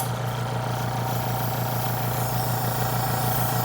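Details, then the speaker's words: Suction machine switched on to test the equipment before tracheostomy suctioning, after the patient was hyperoxygenated and draped: steady motor hum with a fast, even pulsing throb. "i'm going to drape my patient i'm going to test my suctioning equipment okay turn it on"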